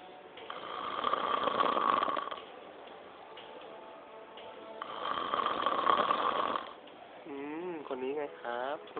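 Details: Snoring while asleep: two long, rough rattling snores, then a brief whistling sound, cartoon-like, over a faint background.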